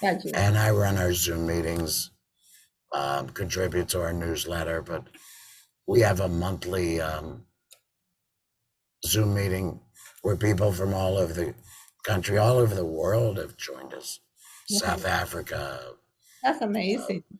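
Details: Tracheoesophageal speech from an adult man after total laryngectomy in February 2019, with a tracheoesophageal voice prosthesis fitted in September 2019; he reports that speaking with the prosthesis makes him swallow a lot of air.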